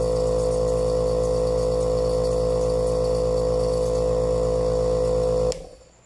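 Steady loud mechanical hum with a rapid buzzing rattle, stopping abruptly near the end: a compressor nebulizer running, then switched off.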